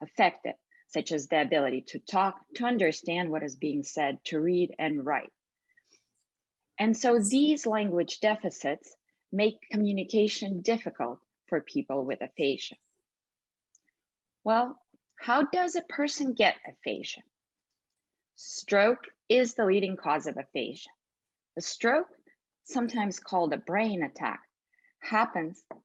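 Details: Single speaker, narration; normal speech.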